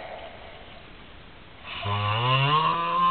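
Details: One drawn-out, low, droning snore likened to a cow, building in loudness after a quiet hiss of breath; snoring.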